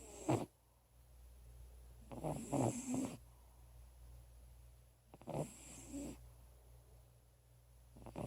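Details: Short, fluttering snorts every few seconds with quiet breathing between, from a sleeping female cat about 16 or 17 years old with asthma, usually a really loud snorer; snoring.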